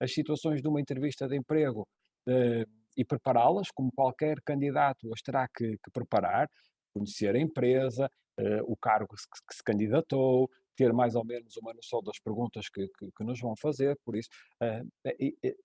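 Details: Adult male speaker; ordinary speech.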